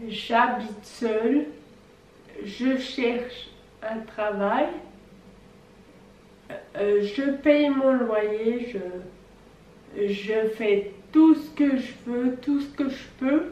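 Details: 26-year-old woman with Friedreich's ataxia, a genetic neurodegenerative disease, showing ataxic dysarthria.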